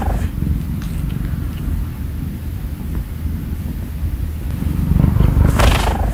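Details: Sleepy male cat purring under the covers at bedtime: loud, continuous low rumbling purr with a louder swell near the end, showing contentment.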